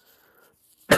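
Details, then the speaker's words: Adult podcaster attributing cough to allergies: near silence with faint room noise, then a sudden harsh burst at the very end, the start of a single cough, cut off. "Goddamn cough. Sorry if I lack professionalism during this recording. It's just my allergies killed me, basically."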